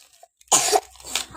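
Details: A child with a cough while playing with a younger sibling: a single sharp, harsh cough burst, followed by quieter breathy sounds.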